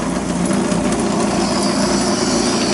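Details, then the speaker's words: Loud steady motor rumble and drone of a nebulizer compressor just switched on, running a hydrogen peroxide nebulization through a mask. "now you're going to take the other end and attach it to the compressor at this point she's going to turn the compressor on"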